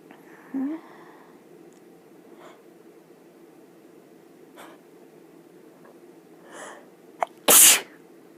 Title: Sneezes in bed